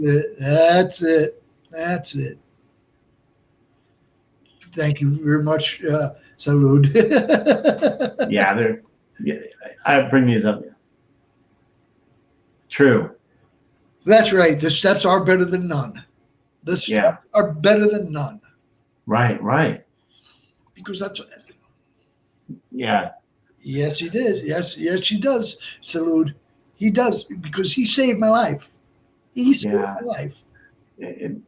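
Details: Man of about 57 with Broca's aphasia from a stroke on March 22, 2011 at age 46, more than 8 years post-stroke; also a heart transplant recipient.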